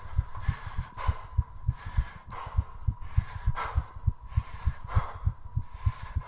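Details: Exercise-induced tachycardia during a 3:30-minute squat session: rapid, regular heart thumps with loud, fast panting breaths about every second, the heart rate rising continuously.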